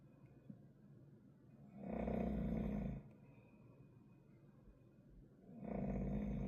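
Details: Two loud, rattling snores on breaths in, about four seconds apart in a quiet room, disturbing sleep during a hospital stay.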